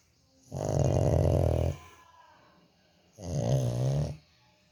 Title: Dog##Heaven snoring##